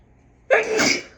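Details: Deliberately induced sneeze in a person who rarely sneezes naturally: a single loud, explosive sneeze with a sharp onset and a hissing release.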